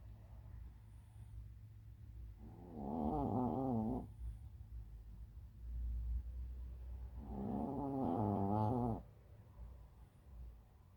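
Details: Molly Marie, a sleeping dog, snoring: two long, buzzy, fluttering breaths about five seconds apart with quiet pauses between; rhythmic snoring.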